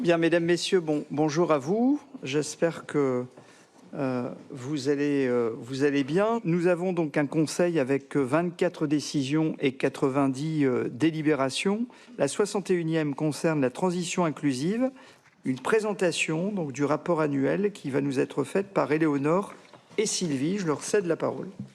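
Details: Adult man speaking French; normal speech.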